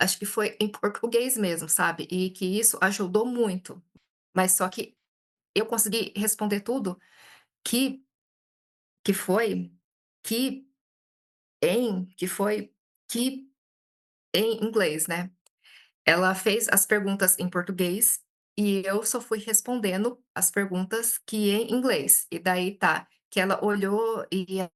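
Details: Adult Brazilian woman who stutters, speaking Portuguese and self-describing frequent speech blocks; hesitations and repetitions are heard; stuttering.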